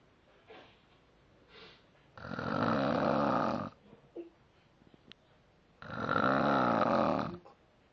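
Two long, harsh, rattling snores on the in-breath, separated by a quiet pause with soft breathing and small noises: loud snoring.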